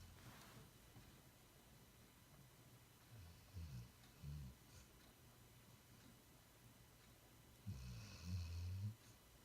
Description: Boomer had a busy few days of playing with a new friend at doggy Daycare and now he's out like a light, dreaming and snoring loud like his human dad!